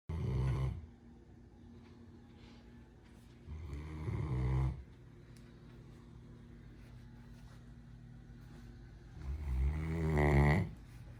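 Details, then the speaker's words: Sleeping 10-month-old female Great Dane puppy snoring in her favorite chair: deep, rumbling snores, three over about eleven seconds with quiet pauses between; ordinary snoring. "sorry i didn't mean to wake you up you were snoring so happily"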